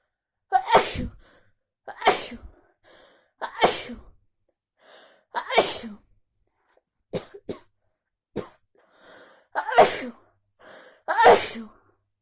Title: Sneezes after stay in the pool